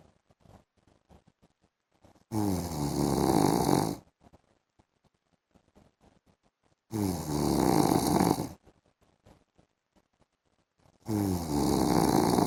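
Loud, harsh snores of about two seconds each, separated by several seconds of near silence, about every four to five seconds; heavy snoring.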